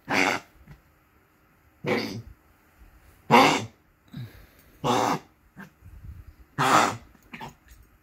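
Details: Baby girl at about 5:30–5:45 am on her worst night yet, about 30 minutes after receiving medicine: harsh, honking coughs, about five bursts in eight seconds, separated by short quiet gaps.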